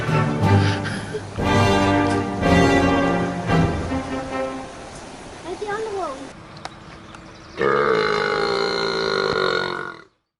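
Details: Man calling animals by burping, some animals appearing to follow him: long, loud, rumbling belches over background music, with an animal-like call between them.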